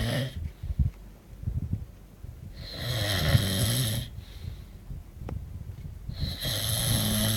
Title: snoring in Benidorm 2009